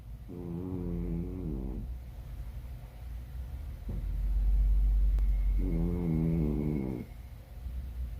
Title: Chat qui ronfle. Snore cat.